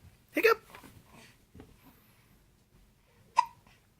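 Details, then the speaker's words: A baby with hiccups: two sharp, brief voiced catches a few seconds apart in a quiet room. "um hi baby hi how are you what how are you do you have the hiccups are you feeling a little hiccuppy yeah a little hiccuppy"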